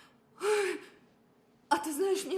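Two sharp voiced in-breaths, the build-up gasps before a sneeze, acted in a dramatized scene.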